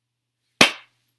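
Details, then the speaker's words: Simple motor tic of Tourette syndrome: a single sharp finger snap, one of the person's regular arm and hand tics. "of course and I've got the snapping ones of course so those are my more regular arm and hand ticks"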